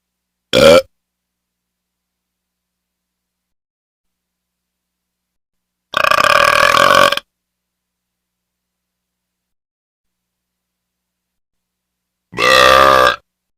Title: Hyena (burps)